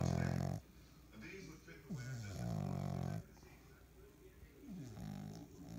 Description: Frenchie puppy snoring loudly!! Lol